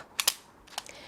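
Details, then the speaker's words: Sharp mechanical clicks as the rear button of a Genuair dry powder inhaler (used for Brimica, Bretaris) is pressed to load a dose; the control window then turns from red to green. "so in order to load the device press the button at the back"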